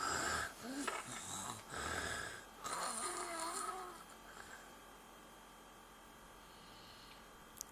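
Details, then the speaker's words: Noisy snoring breaths from a sleeping young child, then several seconds of near silence with no breathing, an apneic pause that recurs; pediatric obstructive sleep apnea, with the mother's rhythmic breathing audible in the background. "You may have heard about pediatric sleep apnea. If not, let me just show you how that goes. The rhythmic breath that you heard behind the scene is the breath of his mom, who had the nerve to make this video. Now the baby is not breathing."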